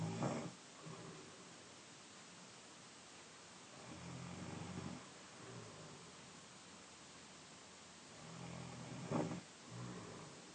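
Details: 15-year-old brother, 5'10", 156 lbs, snoring during sleep; low rumbling breaths recurring every few seconds with a louder snort, over steady background noise.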